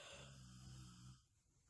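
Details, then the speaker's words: Snoring from an adult man who has been asleep for about 30 minutes, very tired after getting up around 5 a.m. "snoring. He's been asleep for like 30 minutes. You can probably hear him."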